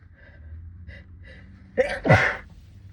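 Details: A few short breathy catches, then a sharp in-breath and a forceful sneeze muffled into a sleeve, part of a sixteen-minute sneezing fit brought on by cold weather.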